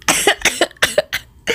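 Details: Run of about five harsh, dry coughs in quick succession from an adult with COVID-19, probably the omicron variant, with a sore, dry throat, cold, fever and fatigue while self-isolating at home.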